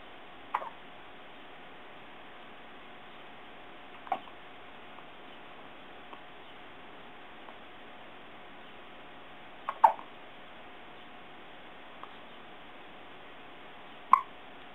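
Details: Newborn baby, 8 days old: sharp, brief hiccup sounds recurring at irregular intervals, about four in fifteen seconds, over a steady background hum.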